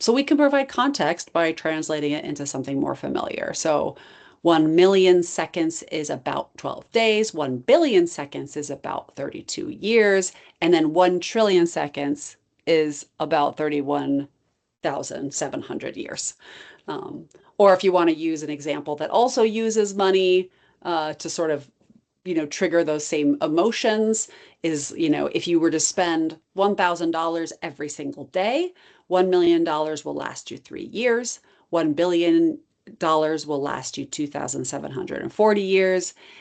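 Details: Adult speaker; typical speech.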